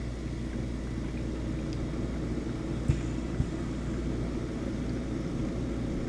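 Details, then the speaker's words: Home oxygen concentrator running in a room for a noise-level comparison against ambient room noise of about 43 dB: steady low rumbling hum with a couple of faint clicks. "I will turn on the oxygen machine so you can hear the the noise level differences."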